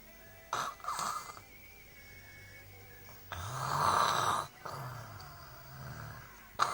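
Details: Snoring: two rough, fluttering breaths in a quiet room, a brief one then a louder, longer one.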